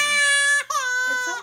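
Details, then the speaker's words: A 4-month-old baby girl cries loudly, high and sustained with a brief catch for breath, after the last and most painful of her immunization injections at a check-up; she cried only a few seconds. "So I'm pretty well. She only cried for a few seconds there."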